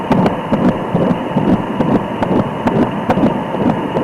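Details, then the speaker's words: Fetal heartbeat on Doppler in pregnancy, head-down baby gaining body fat, reportedly a girl: rapid steady whooshing pulses, rate 135 per minute, normal for this stage. "nice and steady hard raate it's going to be very fast still at this stage and we're getting a rate of 135"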